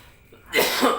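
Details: A single short cough burst from an adult sick with cough and cold (batuk pilek).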